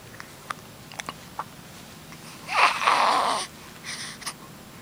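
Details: Quiet room with a few soft clicks, then one explosive, hissing sneeze lasting under a second.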